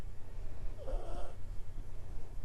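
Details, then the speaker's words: Single short snorting snore from a resting male dog, 75% pug, with typical flat-faced snoring, recorded during a dog yoga session over a steady low room hum. "so for him there's a little bit of snoring very typical with someone who is 75% pug there's a lot of snoring"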